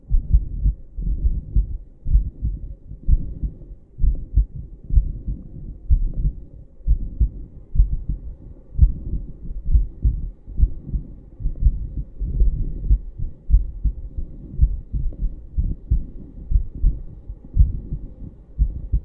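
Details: Normal heartbeat of an American female, heard through a stethoscope and filmed in London: low, muffled beats with rumbling handling noise.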